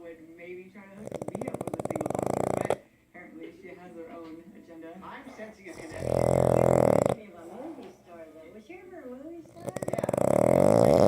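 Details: Pug dog snoring loudly while asleep in owner's lap, with background music.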